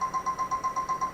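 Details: Intraoral digital scanner recording a patient's teeth at a dental clinic, replacing manual impressions: a rapid, even pulsing tone about eight times a second; scanner in use.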